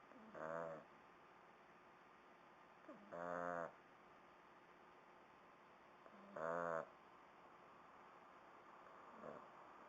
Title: Snoring Shar Pei puppy